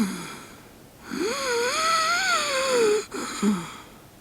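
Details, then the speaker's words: Wheezing-type snore: a single long, high whistling snore, rising then falling in pitch during breathing in, an example of one snoring sound type. "Yang pertama adalah suara wheezing (bunyi berdehit). Anda boleh mendengar suaranya seperti ini: -"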